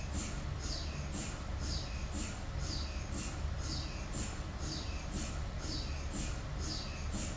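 A rhythmic, hissing chirp repeating about twice a second over a deep, steady rumble: MRI scanner sequence noise, normal during scanning.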